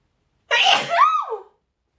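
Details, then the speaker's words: Female streamer's single sharp sneeze after saying she needs to sneeze: sudden burst of air followed by a short voiced falling sound. "I need to sneeze."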